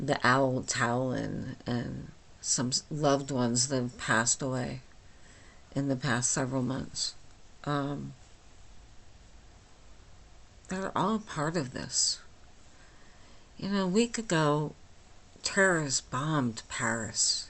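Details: Flaccid dysarthria with hypernasality from myasthenia gravis in a 49-year-old woman with the disease since age 8, causing talking and swallowing problems; she speaks without her usual appliance, about two weeks after finishing Rituxan.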